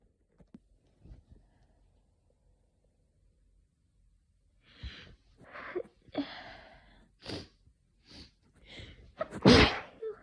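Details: Person at home with hay fever since waking, dry itchy pollen-triggered sneezing, often covered by hand: a run of catching breaths and sneezes building to one loud, explosive sneeze; hay fever sneezing fit.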